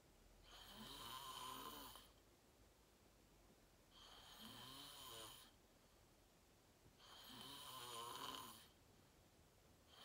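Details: Real self-recorded sleep; person fell asleep fast, around 8:45, and slept deeply, reportedly REM. Three rattling, airy snores on inhalation, roughly every three seconds (about 19 a minute), with quiet room noise between. Loud snoring.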